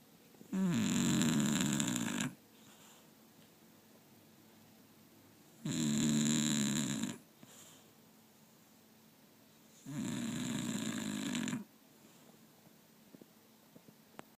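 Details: Snoring: three long, loud snoring breaths about every four seconds, roughly 13 a minute, with quiet pauses between them.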